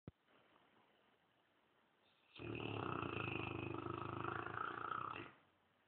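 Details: A Dogue de Bordeaux lying on a leather armchair, snoring and twitching: quiet room, then about three seconds of loud, rapid, rattling snoring; snoring.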